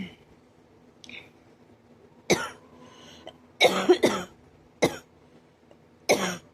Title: ouch this cough is hurting my ribs and my chest .